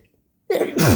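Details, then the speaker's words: Agender person in a sneezing fit; they report a blocked nose with bloody scabs. Silence, then a sudden loud explosive sneeze; one sneeze from a repeated sneezing fit. "Okay, I think I'm done."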